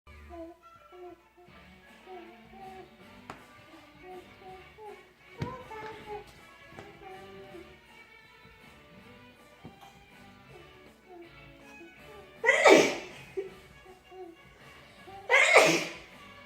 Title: Dancing and sneezing